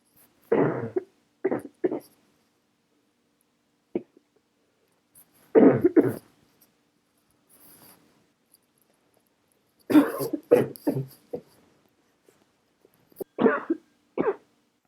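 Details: Adult woman, sick, coughing in her sleep at night, recorded by her husband from the living room then bedroom in poor quality: repeated short coughs in small clusters; nocturnal cough.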